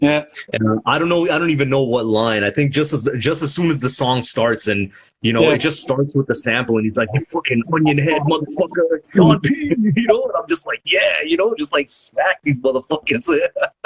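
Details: Adult male speaker in conversation; normal conversational speech.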